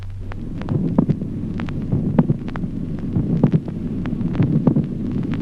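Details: Late systolic click.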